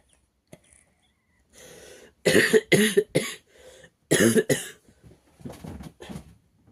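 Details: A child's run of harsh, loud, barking coughs in two clusters with a few softer ones; barking cough.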